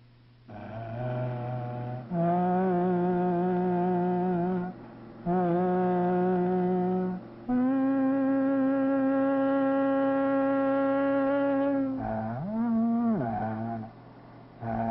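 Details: Adult male speaker with a normal voice, recorded while his larynx was being photographed during laryngoscopy, shown for contrast with a female larynx; normal male voice.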